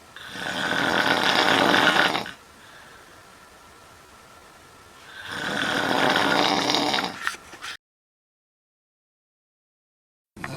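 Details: A woman snoring loudly at night in a hotel room in Djerba on the fourth night, snoring even harder in the middle of the night: two long, loud, rough snores with a quiet breath between.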